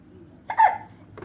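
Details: Baby boy with hiccups while being bounced: a single short, abrupt voiced hiccup catch with soft room noise around it.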